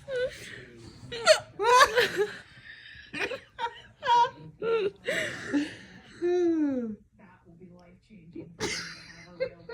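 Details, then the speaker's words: Young girl with repeated hiccups: her voice broken by short, abrupt hiccup sounds mixed with squeals and laughter. "My pretty little princess with man hiccups."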